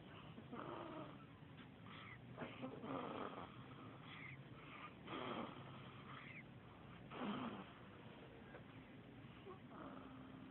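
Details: Soft, irregular snoring breaths from a resting cat, roughly 28 a minute, with faint room noise.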